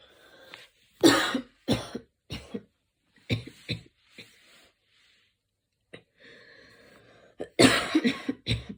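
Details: Evening coughing fit recorded while the person was lying on their back.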